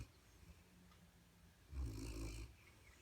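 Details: Habitual heavy snorer sleeping on his bed: quiet breathing, then one deep, rumbling snore lasting under a second.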